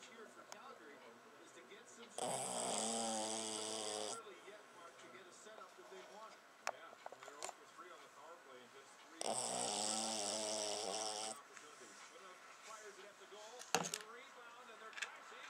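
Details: New foster asleep: two long, buzzing snores about seven seconds apart, with soft clicks and room noise between them; snoring.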